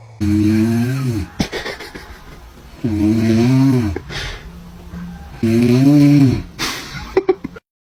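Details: Dad snoring while a baby reacts: loud, low, rattling rasps on each in-breath about every 2.5 seconds, with quieter breathing between; ordinary heavy snoring.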